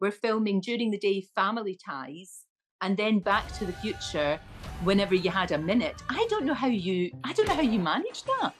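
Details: Adult woman speaking in an interview; normal speech.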